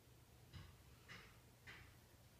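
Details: Light snoring in a sleeping female ("little girl"): three short, soft, rasping noises about every half second over room hum.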